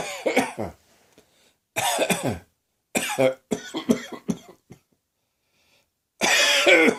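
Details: Bursts of harsh, dry coughing in clusters of two to four, with a throat-clearing quality, from an adult who woke with a sore throat, possibly starting a summer cold; cough.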